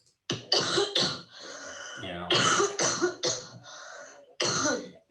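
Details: Several separate coughs, some with short throat-clearing sounds between them: research cough samples from COVID-19 cases with symptoms, asymptomatic cases, and people without COVID, which are very hard to tell apart by ear.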